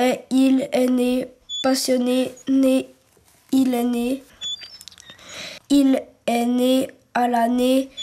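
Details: French-speaking child who stutters, in a real documentary about a teenager and two children who stutter; the child says stuttering occurs during oral questioning at the board in class; stuttering.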